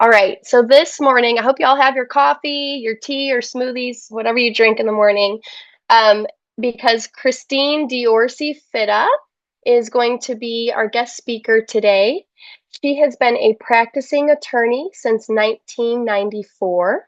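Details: Adult woman speaking; typical speech.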